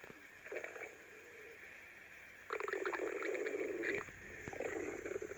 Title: BFB Lightning Stomach Growl Tummy